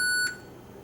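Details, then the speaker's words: Single short high-pitched electronic beep then silence from a ventilator in pressure control mode during a demonstration of adjusting peak inspiratory pressure; alarm limit is then maxed out to stop beeping; ventilator alarm tone. "okay and let's max out my alarm so it doesn't beep at us"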